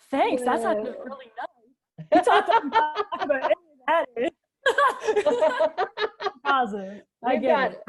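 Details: Adult woman speaking; normal speech.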